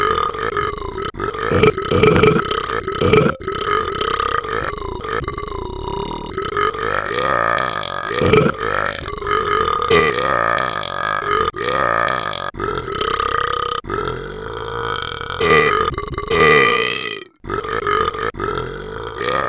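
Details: Simulated burping from the Talking Ben the Dog app: a long run of loud, drawn-out, rumbling belches with brief pauses between them.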